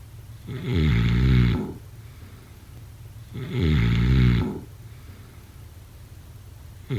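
Two loud, low, rattling snores on breathing in, with quiet breathing between them, about 17 breaths a minute. Ordinary snoring.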